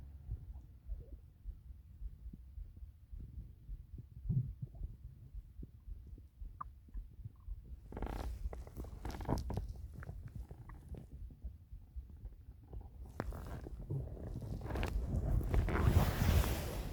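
Low, irregular gurgling and rumbling bursts that swell and fade; ordinary stomach growling from gut movement, harmless.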